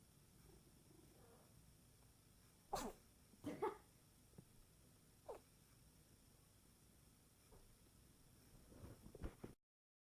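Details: Owner suspects an unusual cat sneeze: several short, sharp snorting bursts over a quiet room hum, consistent with repeated sneezes.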